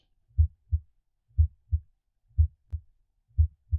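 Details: Simulated normal heart sounds from an auscultation simulator, chest piece at the tricuspid area: crisp paired S1 and S2 about 60 a minute.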